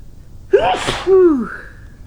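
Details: Adult woman sneezing (also blowing her nose): sharp indrawn breath, explosive burst and voiced trailing 'choo'; a single sneeze.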